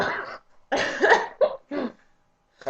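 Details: A German woman with nose and sneezing complaints gives a few short, sharp cough bursts with brief pauses between them; an ordinary dry-sounding cough.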